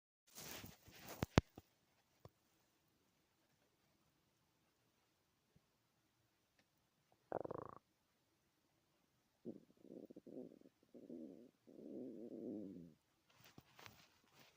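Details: Loud stomach growling in a quiet room: several gurgling, rumbling and croaking stretches of gut noise; borborygmi.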